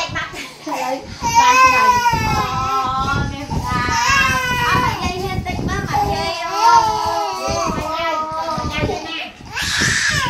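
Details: Nine-month-old baby receiving an injection: loud, distressed crying in wailing bursts with adult voices nearby.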